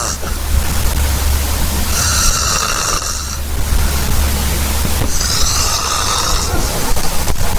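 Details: Loud, harsh, rasping snoring bursts about every three seconds over a constant low rumble: heavy snoring.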